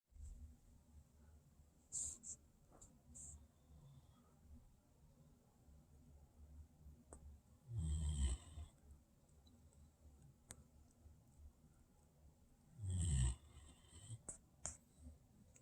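Two deep, rattling snores about five seconds apart between quiet breaths, with small rustling sounds in a quiet room.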